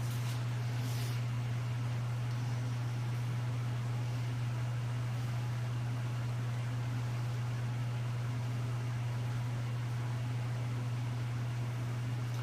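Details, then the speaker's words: Steady low hum with a faint fan-like hiss: normal running noise of a diode/YAG laser system warming up before a procedure. "Let's just still wait here. These are normal sounds as the laser is warming up."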